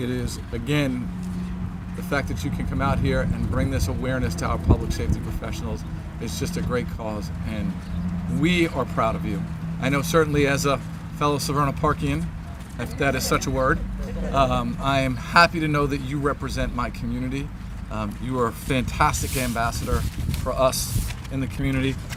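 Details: Adult male speaker; normal speech.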